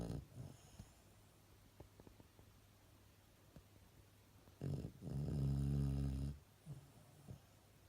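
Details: Dog snoring: a loud, drawn-out, vibrating snore with softer snuffling breaths before and after, in a quiet room.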